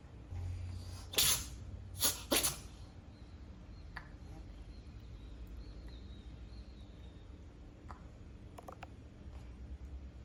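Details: Cat sneezing: a quick run of three small, sharp, unusual-sounding sneezes over steady room noise, then quiet.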